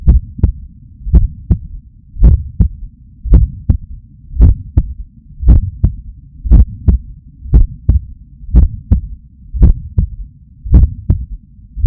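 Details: Heart sounds recorded with a Stemoscope stuck to the chest under the shirt after waking up stressed, heart pumping hard: strong, regular two-part heartbeat about 56 a minute with low hum between beats.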